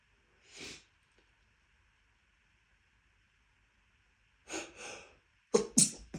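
A run of sharp, forceful sneezes, with a long quiet pause after the first.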